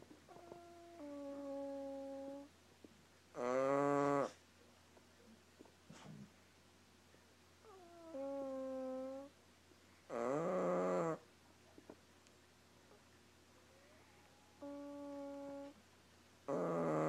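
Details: Sleeping dog snoring, said to sound like a fart: alternating tonal, squeaky whines and rough buzzing breaths, roughly every three seconds.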